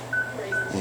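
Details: Anesthetized animal patient breathing through an anesthesia gas machine: clear, steady electronic anesthesia monitor beeps, each marking a heartbeat, about 150 a minute, with ECG and blood oxygen also monitored.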